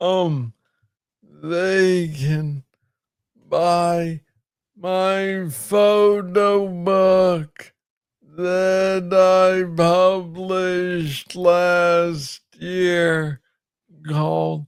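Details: Adult man with Parkinson's disease, diagnosed in 2014 at about age 35 after it was first misread as tennis elbow; real conversational speech; slow speech in Parkinson's disease.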